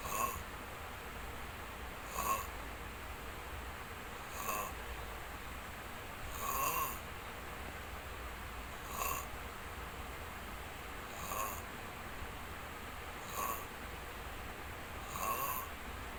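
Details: Snoring during sleep: regular short snores about every two seconds, near 29 a minute, over steady background hiss.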